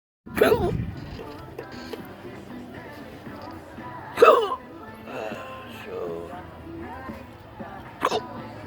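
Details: Three sudden sharp hiccups about four seconds apart over background music and talk, from a person with a long-standing hiccup disability (since December 2015) also prone to choking spasms; hiccups.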